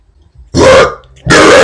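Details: Person burping deliberately on purpose: two loud, drawn-out throaty burps, each about a third of a second, separated by a short pause.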